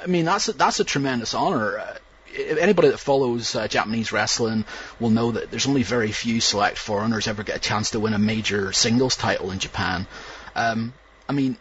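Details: Adult speaker; fluent conversational speech.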